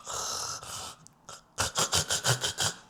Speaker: They stop breathing and then their brain realizes that they've stopped breathing and it wakes them up a little bit enough to start breathing again.